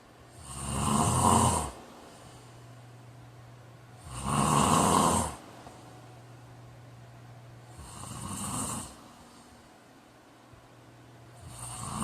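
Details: Loud rattling snores on each in-breath, about 17 a minute, with quiet gaps between; ordinary snoring during sleep.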